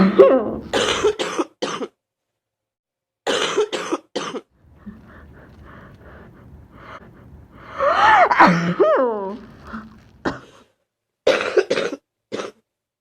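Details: Student ill with fever 39.2°C, congestion, very sore throat, starting to cough up mucus: harsh coughing bursts in groups of three or four with rattly throat-clearing between: cough.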